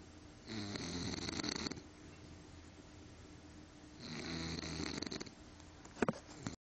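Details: Two rattling in-breath snores about three seconds apart from a sleeping bulldog, with quiet breathing between; typical short-nosed dog snoring.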